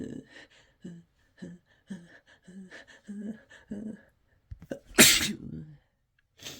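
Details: Repeated, uncontrollable sneezing induced by Chhinkni sneezing powder: a run of short gasping breaths builds to one loud, harsh, desperate sneeze.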